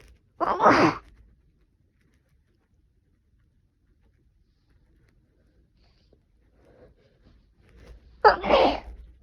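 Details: Sneezing during a cold with sneezing and coughing, blamed on temperature swings: two sharp, explosive sneezes separated by a quiet pause.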